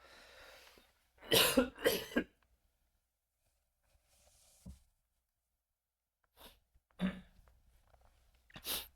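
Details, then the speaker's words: Productive cough from an adult man with a stated lung disease and persistent phlegm that he must bring up: several harsh, loose cough bursts in quick clusters with quiet gaps between. "Maaf saya batuk-batuk. Mungkin enggak enak teman-teman dengarnya ya. Karena kondisinya apa ini? Kondisi saya gak sehat untuk dahaknya. Ini muncul terus. Jadi harus dikeluarkan."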